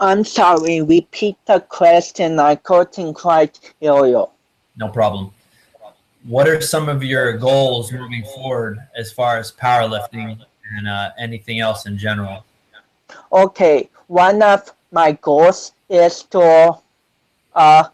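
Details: Adult male speakers in conversation; typical speech.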